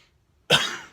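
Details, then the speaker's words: Single sharp, forceful voluntary cough, demonstrated for physiotherapy: breathe in then cough while flexing forward to help expel air, as a breathing and coughing technique. "So have them breathe in and then cough."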